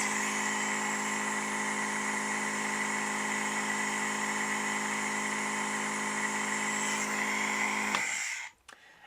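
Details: Steady mechanical hum and hiss of a home compressor nebulizer running continuously during a setup demonstration with mouthpiece or face mask, then switched off near the end.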